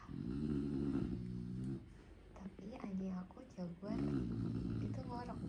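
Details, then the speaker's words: Pet dog sleeping; a low rumbling snore with a woman talking over part of it. Dog snoring. "Dan kalau kalian dengar ini suara ngorok, jadi cowok-cowok itu aku juga nggak tahu sih ya, apa cowok-cowok aja atau yang jenis lain. Kalau tidur ngorok juga"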